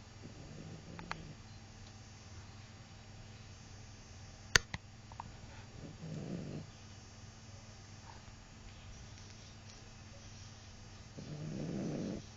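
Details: Snoring from a sleeping dog, said to snore like a horse: two or three rough, rattling breath noises in a quiet room, with a sharp knock partway through.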